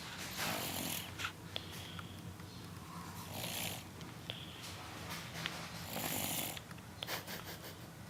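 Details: A sleeping child snores during his daily nap with rough noisy breaths every two to three seconds over a low steady room hum.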